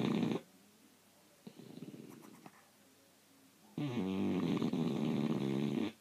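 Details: Bulldog named in title snoring.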